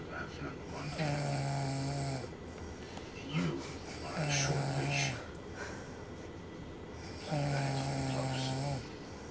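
Long, buzzing, low-pitched snores recur roughly every three seconds over faint room noise; typical snoring.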